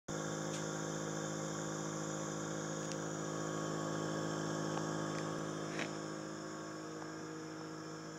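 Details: Non-electric nebulizer running during a breathing treatment: a steady humming drone with a few faint clicks.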